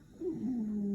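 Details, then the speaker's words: Wheeze, continuous musical whistling tone sliding slightly lower in pitch, in a lung sound identification demo; wheeze is heard posteriorly between the scapula and vertebrae. "Wheeze sounds like my dog at night when he's sleeping."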